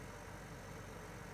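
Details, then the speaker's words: XNUO Y4 oxygen concentrator with a water tank, running at 1 litre per minute with oxygen concentration rising to 92%: a steady low mechanical hum with faint rhythmic pulsing. "you'll notice that this is already pumping out 1 liter per minute and it's increasing the amount of oxygen is going up now"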